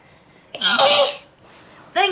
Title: Sneeze attack part 2